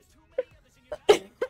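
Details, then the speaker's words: An adult coughs: four short, sharp bursts with a sudden onset that sounds like sneezing. "I'm coughing but it sounds like sneez in it it does sound like you're sneezing"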